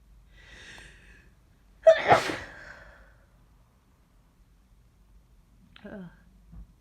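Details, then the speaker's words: Single forceful sneeze with sharp intake, then quiet and a faint sniff, from a person sneezing all morning, suspecting a cold or flu, with sore throat, headache and aches; sneezing with illness. "I think I'm getting sick. I need. I need. I need. I need to sneeze all the time. God, I just can't stop."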